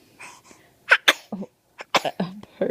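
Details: Small boy, just woken and fed, with recent spit-up, making several short, sharp bursts of air followed by brief vocal sounds in a quiet room; sneeze.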